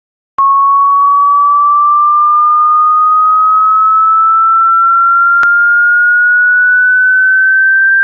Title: Tiktok | Tinnitus sound in ear!